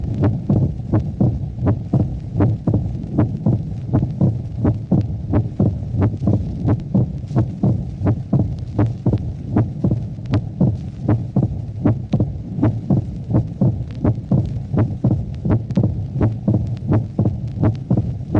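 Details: Mitral stenosis, 1966 teaching recording (track 22a): heartbeat near 83 a minute with a loud first heart sound and a sharp opening snap in diastole after the second sound.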